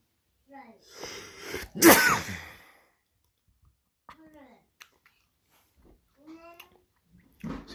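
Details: Single loud, explosive sneeze from a person with an audible intake before it; brief child voices in the room; ordinary sneeze.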